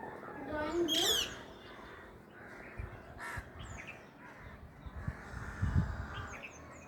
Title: Parrot Sneezing 🐦